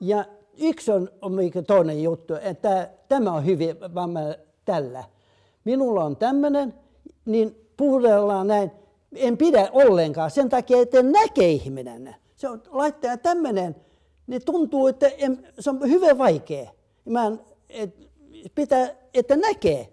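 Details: Adult man with self-reported aphasia, presenting expressive aphasia with fragmented, ungrammatical sentences.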